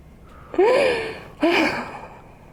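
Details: During a hands-on fascia healing session with a chiropractic adjustment, the patient, a woman, gives two short voiced gasps with falling pitch, a second apart, over quiet room noise: gasping.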